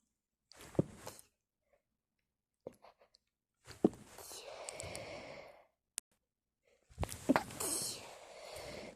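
A run of three forceful sneezes, each with a sharp inhaled catch and an explosive burst, muffled in a quiet room.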